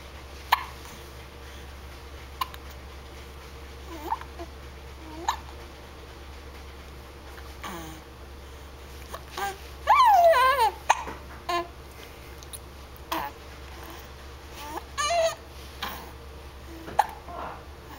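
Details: Baby's hiccups: sharp, brief clicks recurring every second or two over room hum, mixed with squeaky vocal sounds; hiccups.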